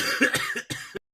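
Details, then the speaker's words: A few short, harsh cough bursts from an adult, acted in a comedic parody song; he reports a cold blamed on air conditioning with a lot of coughing. "i am coughing i am coughing might be dying from the plague i am coughing i'm coughing spitting my germs in your face"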